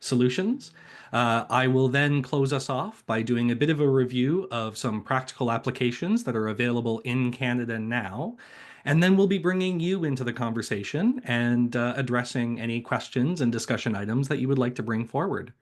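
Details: Adult male speaker; normal speech.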